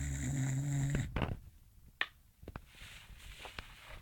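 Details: English Bulldog sleeping and dreaming: low rumbling snore, then soft snorts and small twitchy breath sounds; snoring.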